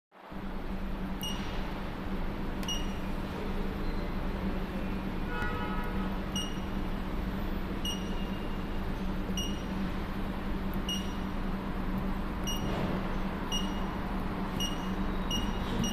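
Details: Steady cooling-unit hum with regular sharp ticks and beeps about every 1.5 seconds as an 800W Q-switched Nd:YAG tattoo-removal laser (532/1064/1320 nm) fires; laser operating.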